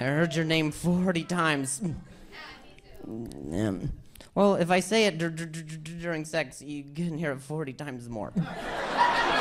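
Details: Male stand-up comedian with a stutter; he says hearing noises in his ear while talking makes him stutter; stuttering during crowd work.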